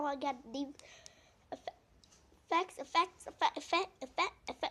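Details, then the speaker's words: Short voiced catches break up a young person's singing and talking, several in a few seconds; hiccups. "Sorry, I have the hiccup."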